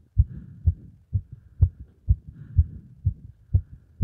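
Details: Heart sounds after a beep test and during squats: fast, regular heartbeat about 125 beats a minute with clear lub-dub; normal quickened rhythm after exercise.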